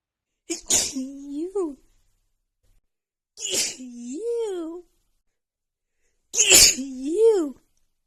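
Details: Three sneezes, each a sharp burst then a drawn-out voiced sound: partly held-back, stifled sneezes from a female trying to hold back sneezes before a rapid sneeze attack.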